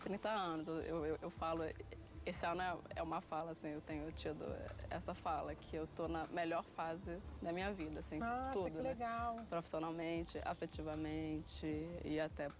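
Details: Stuttering in a 30-year-old woman who has stuttered since early childhood and recalls being unable to say a sentence at age 9.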